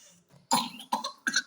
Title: pertussis,cough....